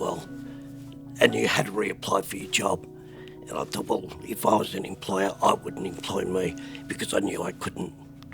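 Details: Adult man with spasmodic dysphonia at the peak of botox treatment; disorder forced a career change; spasmodic dysphonia.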